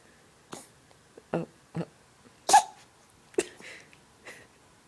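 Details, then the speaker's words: Small dog with hiccups: short, sharp, jerky bursts of breath at irregular intervals, about seven in five seconds; hiccups. "Cupcake has the hiccups, don't you? Don't you?"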